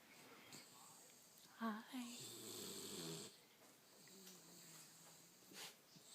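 Rough, rattling snorts and a drawn-out low snore from a sleeping dog, with faint room noise; snoring.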